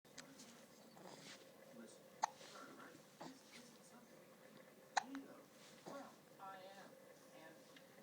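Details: Baby with hiccups: soft, quick infant hiccups at irregular intervals, with quiet adult whispering and room noise in the background.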